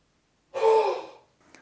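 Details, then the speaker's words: Demonstrated huff cough during the active cycle of breathing technique for mucus clearance: full breath in through the nose, then a single breathy forced open-mouth exhalation; forced expiratory technique. "take a full breath in through the nose and then Force the air out through your mouth to create a huffing action this is also known as the Huff cough"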